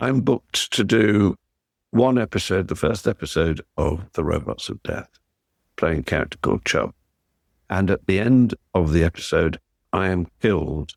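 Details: Adult man speaking; Ordinary connected speech.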